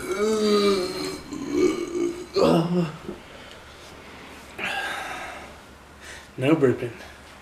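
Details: Repeated loud, low, drawn-out belches mixed with brief speech in a small room, as a man attempts to drink 2 liters of Coca-Cola Zero in a no-burping challenge; burping.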